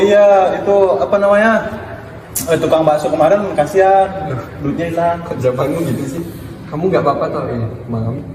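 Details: Student acting aphasia after a blow to the head in a skit, answering with unrelated remarks; Wernicke's aphasia (acted).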